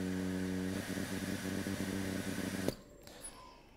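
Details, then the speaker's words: HAMILTON-T1 ventilator preoperative circuit tightness test, with the circuit occluded by a gloved hand; a rising motor buzz ramps up pressure, then a sharp safety-valve release and quiet; the test passed. "As indicated that was ramping up the pressure and that was the safety valve. We passed the test as indicated by the green arrow."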